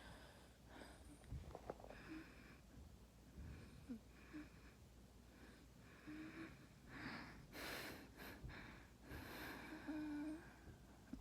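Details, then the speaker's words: An adult lying in bed almost one week after gastric sleeve surgery, with a persistent wheeze they say improves daily: quiet breaths with brief, faint musical whistles on several cycles, a mild wheeze. "I do have this little bit of wheezing that's weirder cuz it's still here. It's It's like getting a little better every day, but it's like Let's see if you can hear it."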